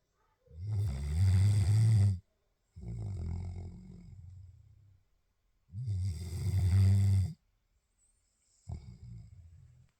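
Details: Sleeping dog snoring louder than the TV: loud, rattling snores, each harsh in-breath followed by a softer fluttering out-breath, about 11 to 12 breaths a minute.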